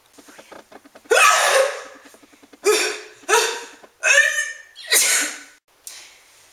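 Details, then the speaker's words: Acted, simulated sneezing by a woman reading for a "sneezing girl" part: quick gasping in-breaths, then four loud bursting sneezes in a row. "hello my name is rachel thompson with the talent agency and i am reading for the part of sneezing girl"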